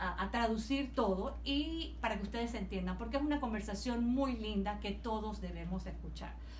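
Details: Adult woman speaking Spanish; typical voice.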